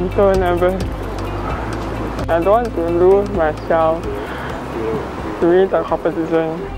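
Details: 31-year-old woman with cerebral palsy, a para sailor with expressive difficulty and unsteady gait: dysarthria (cerebral palsy).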